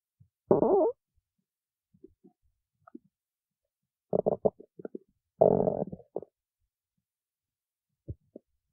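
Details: Stomach growling: gurgling, rumbling bursts separated by silence, ordinary bowel sounds.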